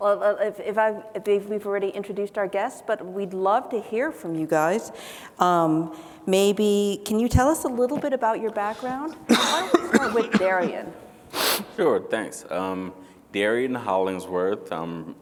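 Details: Adult woman speaking, with a second adult voice replying at the end; typical speech.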